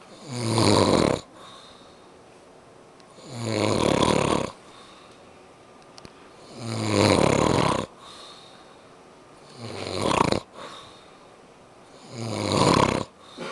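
Five loud, rough, rattling breaths drawn in about every three seconds, quiet between; snoring at about 22 breaths a minute.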